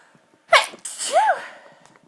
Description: violent stifled sneezes, they were so hard to hold back and stifle and some of these made me double over with how strong they were